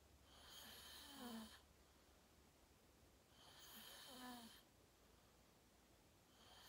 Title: Watch me sleep #41: 😴 Fell Asleep Fast @ 8:45 😪 Slept Deep REM Sleeping 💤 Great Loud Snoring ASMR